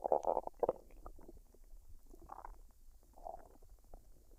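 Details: Adult woman's belly digesting a meal of fried rice and duck, recorded unedited with no talking. Normal bowel sounds.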